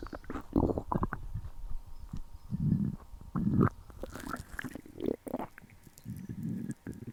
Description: 久しぶりにご飯食べたら凄いゴロゴロ鳴ってたから撮った！